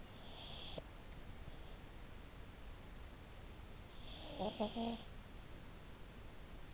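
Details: Pug dog snoring loudly during sleep: noisy, rasping breaths through the nose and throat over steady room noise, snoring in a flat-faced breed.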